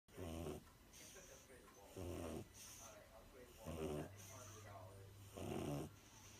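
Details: Pug snoring: four rough, fluttering snores at regular intervals, about 34 breaths a minute, with a quieter sigh between them.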